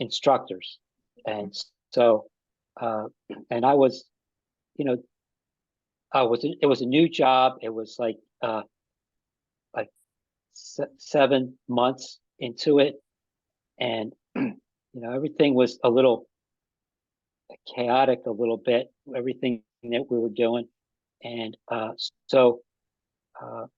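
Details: Aphasia in an adult man about five and a half years after an ischemic stroke that occurred together with a heart attack; ongoing trouble with names and word tenses.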